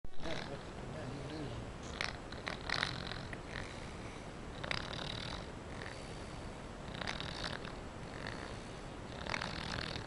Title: Snoring baby